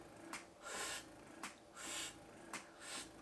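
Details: A Spectra breast pump in expression mode at 54 cycles, its fastest setting: rhythmic mechanical clicks, each followed by a soft whooshing suction, about once a second; breast pump running.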